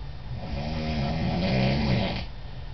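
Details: Adult male (father) snoring while asleep: a single low, rumbling snore on an in-breath over a steady hum of room noise.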